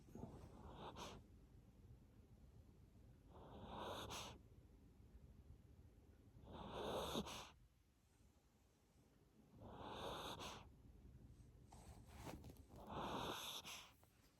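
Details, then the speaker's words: Miniature Pinscher dog asleep and tired after her bath, snoring: soft, rough breathing about every three seconds, roughly 19 a minute, with a faint whistle. "Just snoring. You got your bath tonight? You're all tired."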